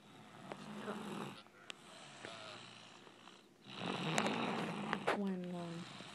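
Rough, rattling breathing sounds with a few louder snorts over room noise: snoring.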